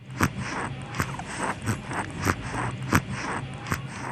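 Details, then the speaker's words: Child with breathing difficulty, possible pneumonia; rapid, noisy breaths with rough, whistling sounds on each breath, a serious sign needing a health worker at once: wheezing. "which is called wheezing these sounds do not always indicate pneumonia but they are still very serious problems and you must take your child to a health worker or nearest health post at once"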